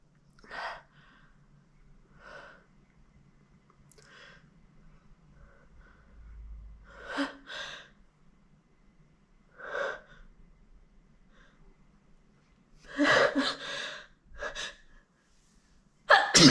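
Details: Nose deliberately tickled to provoke big, wet, messy sneezes: repeated sharp, noisy gasping in-breaths building up to loud sneezes.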